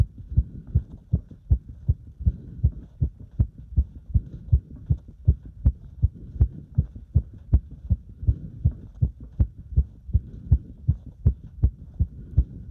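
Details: Heart sounds recorded during step exercise: steady, regular low thumps at about 80 a minute with a faint steady hum underneath.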